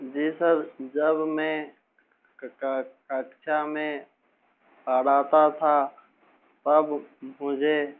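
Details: Young man, a teacher, speaking Hindi, who has stammered since about age six and still stammers a little; stuttering.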